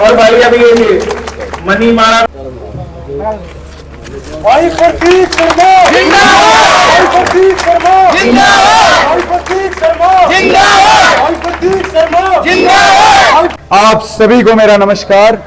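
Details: Adult male speaker at an outdoor rally with crowd; typical voice.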